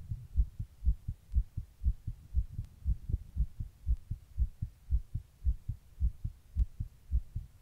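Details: Heart recorded while sitting in 100-degree heat during a heatwave: rapid, regular low thumping heartbeat at about 120 beats a minute, a fast heart rate.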